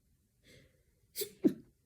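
Quick indrawn breath followed by a sharp, explosive sneeze with a voiced ending: a single sneeze during a cold.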